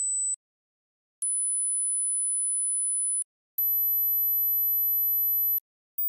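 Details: Hearing age test tones.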